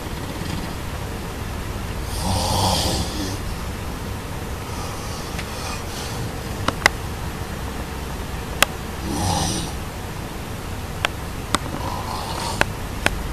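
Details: Two slow, rattling snores about seven seconds apart, with a few sharp clicks and steady room hiss between them: ordinary snoring.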